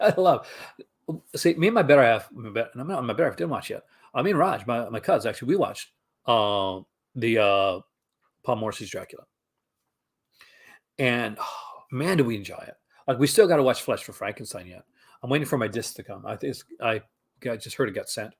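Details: Adult male with childhood-onset stuttering, severe enough in early childhood to be barely understood; now intermittent, years without major issues, but still triggered on camera or on the phone; stuttering.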